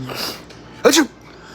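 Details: A short snort followed by one sharp explosive sneeze; sneezing.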